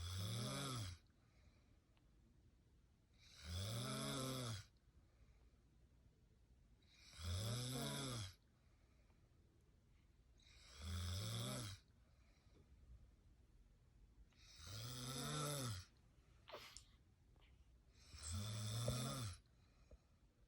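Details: Mother who recently had a newborn, snoring in morning sleep: six deep, rattling inspiratory snores with quiet pauses, about 17 breaths a minute.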